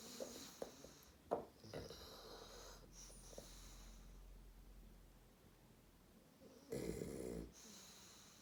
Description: Hugo fast asleep snoring his head off funny happy bulldog